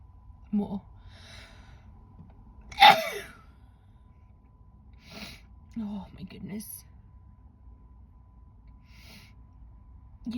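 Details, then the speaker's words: Female sneezer who feels more sneezes coming at the edge of her nose: a sharp, explosive sneeze, then a few quieter sneezes and gasps with brief speech in a quiet room; sneezing. "I've only sneezed a couple of times today, but I feel like I'm going to do more."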